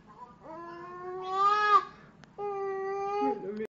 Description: my little cousin crying she is so cute